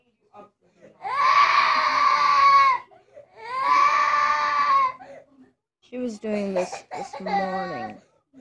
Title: My sister is CRYING because of an ear infection!!!!!!